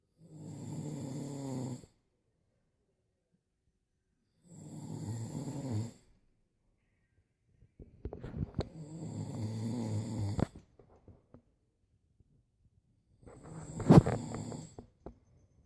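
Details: A sleeping adult snoring: four loud, rattling snores on breathing in, spaced several seconds apart.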